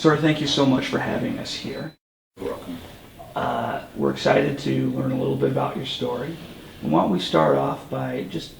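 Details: Adult male speaker; Normal speech.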